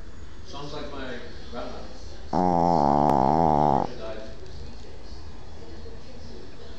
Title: 6 months old boston terrier snoring